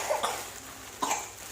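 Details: Two short, light coughs from a young child who has a cough and cold, heard while the child unboxes new clothes, against a steady background hiss.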